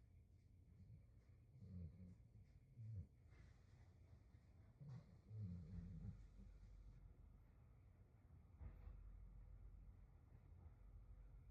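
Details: Adult yellow Labrador Retriever napping on a dog bed indoors: soft, low, snuffling snores in brief bursts over steady dishwasher and clothes-dryer hum, ordinary harmless snoring.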